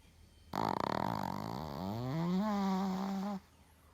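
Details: Sleeping Shih Tzu dog snoring: a single drawn-out breath that starts as a fluttering rattle and turns into a steady nasal whistle-like tone.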